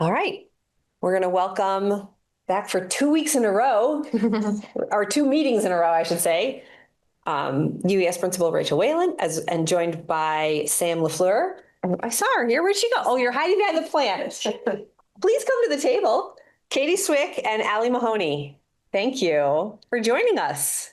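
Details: Adult woman speaking; normal voice.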